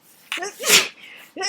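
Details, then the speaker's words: Dust-triggered sneezing fit in an attic: one loud, forceful sneeze after a sharp intake, then a second sneeze starting; messy fit continuing, last tissues running out. "this is so messy one more these are my last tissues so I hope this stops soon"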